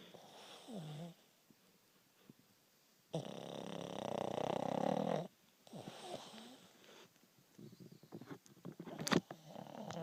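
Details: Rough, rattling breaths with snorts and a long buzzing inward breath from a pug: loud snoring.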